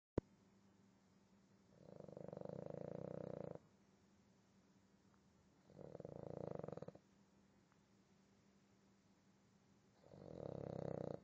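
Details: Three rattling, buzzy snores on the in-breath, about four seconds apart with quiet between them, from a sleeping Boston Terrier: snoring.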